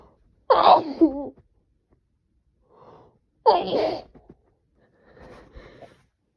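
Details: Person with a cold, blamed on temperature swings, sneezing: two loud explosive sneezes, each after a brief breath in, followed by softer breathy sounds.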